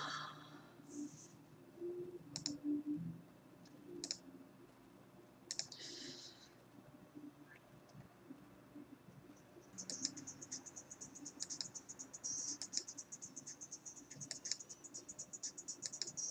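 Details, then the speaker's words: Teeth grinding (bruxism) in a person with seizures who grinds often during and after seizures, with sore jaw: rapid, sharp clicking and grating sounds in a quiet room. "I have to stop grinding my teeth. I'm gonna try and stop grinding my teeth."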